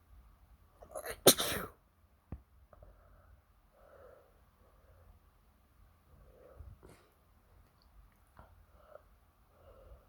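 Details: One sharp, explosive sneeze with a quick breath in beforehand, followed by quiet room sounds; an ordinary sneeze.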